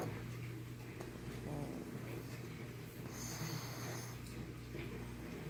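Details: A sleeping 1½-year-old brindle pug snores with continuous low rumbling, snuffling breath noise over faint room hum.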